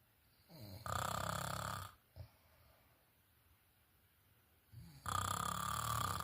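Loud rattling snores on each breath in, separated by quiet breathing out; ordinary snoring in sleep.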